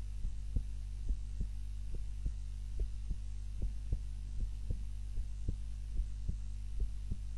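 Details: Own heart sounds recorded on a timer while napping, lying on the back (supine) rather than the usual face-down position: regular paired lub-dub heart sounds, about 100 a minute, over a low steady hum; normal heart sounds.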